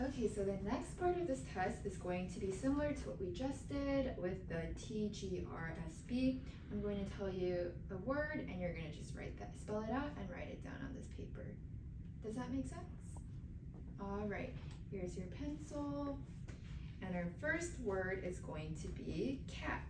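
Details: Adult woman (clinician) speaking; normal speech.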